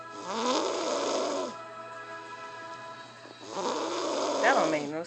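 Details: Heavy snoring in a 2-year-old child: two loud, rough snoring breaths with a pause between, over background music.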